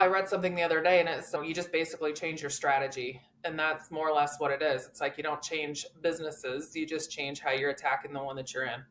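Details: Adult woman speaking; Normal conversational speech.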